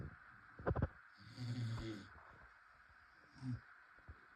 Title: Snores pops pt.2🤣🤣🤣🤣